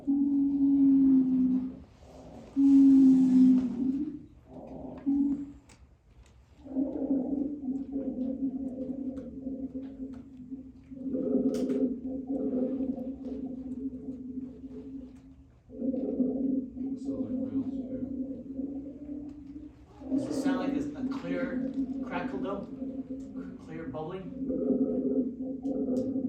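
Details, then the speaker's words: Rhonchi in a COPD teaching example: low-pitched, continuous moaning and bubbling breath sounds with each breath as air passes through thick airway mucus. "so that air is going through that thick mucus so it's a little bit more kind of thicker type of bubbling versus a more clearer type of bubbling"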